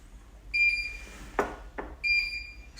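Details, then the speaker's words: Infusion pump alarm at the end of a chemotherapy infusion (second session, breast cancer, via port): two high-pitched electronic beeps with a brief rustle between, in a quiet room. "it means I'm at the end of my confusion of your confusion yes yes it is it's a pretty easy it comes off lifesaver so the nurse came and kicked it and it shut it up"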